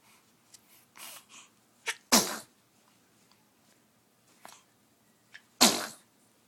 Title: くしゃみ